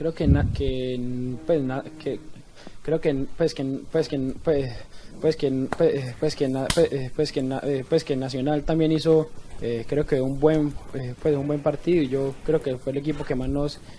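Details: Male footballer in a post-match interview, had stuttering (dysphemia), apparently since overcome; stuttering.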